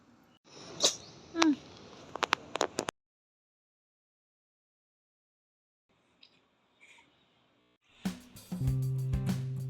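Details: Cat with cat flu being treated with vet-prescribed Pneumex: a couple of short, sharp sneezes, then quiet with background music; sneezing.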